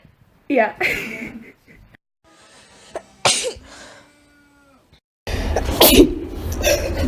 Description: literally just sneezing for a couple minutes.